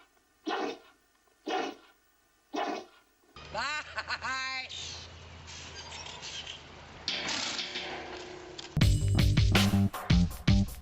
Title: Sneezing Animals Compilation ORIGINAL)